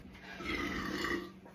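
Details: Burp after drinking Sprite in a try-not-to-burp challenge, with stomach discomfort: a single drawn-out, rumbling belch lasting about a second.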